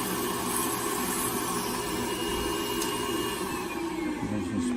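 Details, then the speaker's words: Continuous loud whirring and grinding of a rotary nail burr reducing a thick, layered, possibly fungal toenail of an older diabetic man with a prior stroke. "Okay. All right. Looking better. I'm gonna grind it down real well."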